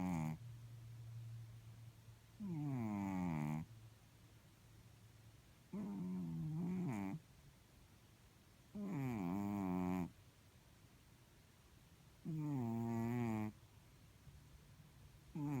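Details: Sleeping blue-grey Chartreux cat: loud, buzzing snores about every three to four seconds, with quieter breathing sounds between; snoring.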